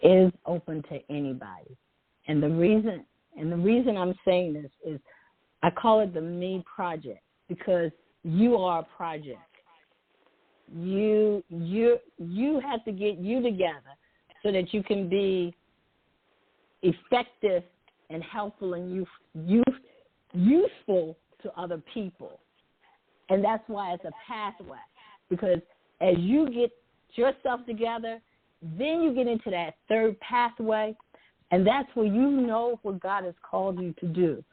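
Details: Adult woman who says she stutters sometimes, with word repetitions; stuttering.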